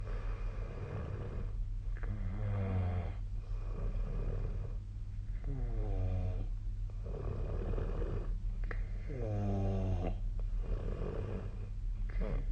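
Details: Sleep snoring recorded with a snoring app: loud, rattling snores on each breath in, about three across the clip, over a steady low room hum.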